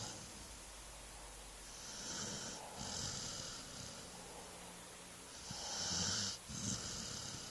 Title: Snoring dog